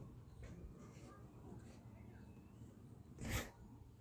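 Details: Recording from a Gonstead chiropractic adjustment session of a patient with knee and hip pain and headaches; quiet room murmur, then one short, sharp burst of air at about three seconds, possibly a single sneeze.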